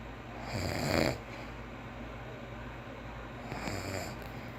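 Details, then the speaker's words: Adult man, a father, asleep: two rough, rattling snores with quieter breathing between. This snoring has been heard every night for 21 years. Snoring. "gente vai filmar o pai do Joaquim roncando pra postar lá no YouTube, no canal dele, tá?"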